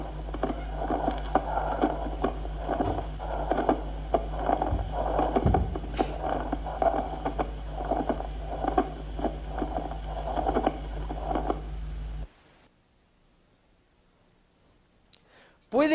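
Rough, creaking, leather-like scraping repeats with breathing over a steady low hum: a pleural friction rub. Silence follows, then a brief voice.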